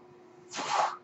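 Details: The speaker's own mechanical ventilator, recorded during his talk: a faint steady hum, then a half-second rushing whoosh of air as a breath is delivered. Mechanical ventilator breath.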